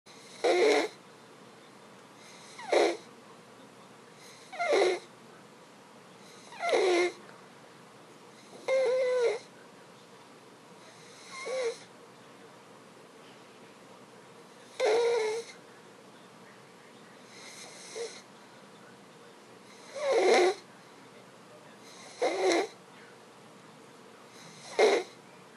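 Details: Stridor in a sleeping child the day after tracheostomy removal: harsh, high-pitched noisy breaths about one every two seconds, from a narrowed upper airway.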